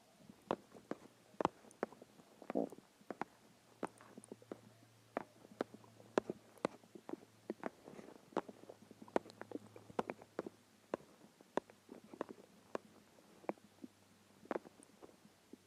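Frequent small pops, clicks and brief gurgles over a steady low hum: hunger stomach growling, a normal finding.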